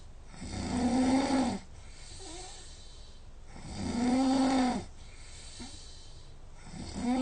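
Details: Human overnight snoring recorded with a snoring app, about 6 hours' sleep, snoring 84% of the time, score 145: loud droning tonal snores on each in-breath, roughly 20 breaths a minute.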